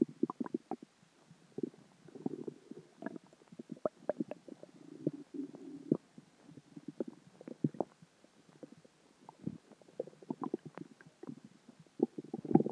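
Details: Ordinary stomach growling (borborygmi) from dinner, water and gas: continuous gurgling, bubbling and squeaky rumbles from the belly.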